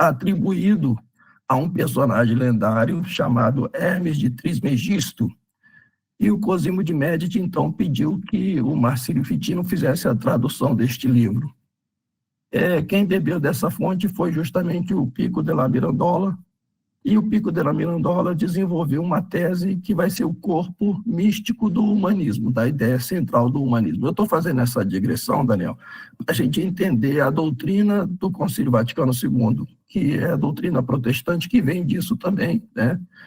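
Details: Adult man with spasmodic dysphonia treated with botulinum-type toxin injections; the effect is wearing off, so his voice is worse than last time. Signs return 3–4 months after each injection, with the next due early July.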